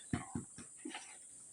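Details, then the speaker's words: Coughing goat, a big male noticed coughing this morning and injected with multivitamins to boost immunity: cough. "one has started coughing we've just noticed the cough this morning so we are going to inject him"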